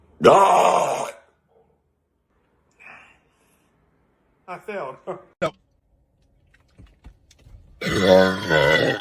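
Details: Loud, rough, drawn-out belching during a Sprite challenge after drinking a bottle of Sprite fast while trying not to burp; two burps with murmured voices in a small room.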